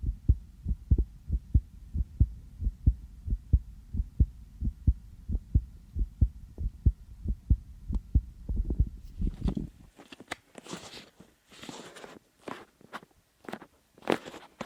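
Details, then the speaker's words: Adult's own heartbeat through a sensitive stethoscope, regular low thumps at about 90 a minute then rustling and handling noise, possibly slightly fast after just coming in from outside; recorded for ASMR; normal heart sounds. "저도 제 심장 소리를 이렇게 크게 듣는 건 처음이네요. 왜 이렇게 빨리 뛰지? 여기 와서 잘 들린다. 원래 이렇게 빨리 뛰나요?"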